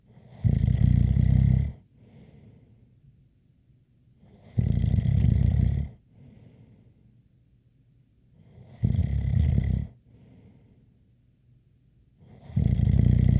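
Loud snores on each breath in, about fifteen breaths a minute, with a faint whistling tone over each one.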